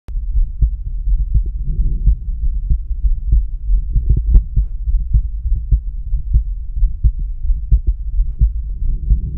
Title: Heart Exam At Aortic